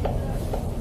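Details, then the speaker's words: Fetal heartbeat on Doppler by a midwife aboard a rescue boat: quick whooshing pulses over low rumble, described as healthy, strong, normal rhythm. "who at the same time could hear the baby's heartbeat for the very first time sounds very healthy and strong heartbeat normal rhythm"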